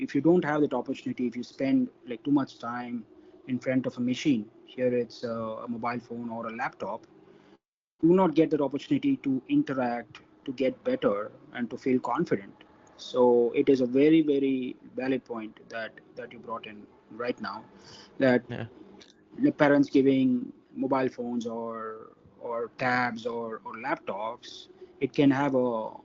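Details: Involuntary stuttering in an adult man from India who stammers, with onset at about four or five years old.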